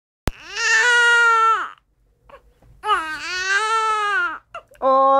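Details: Baby's loud sustained crying bouts with a brief pause and short whimpers between them; ordinary infant crying.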